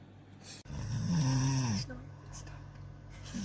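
A loud, low, rattling breath lasting about a second, then quieter breathing; a typical snore.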